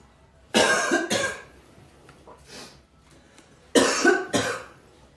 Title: sneeze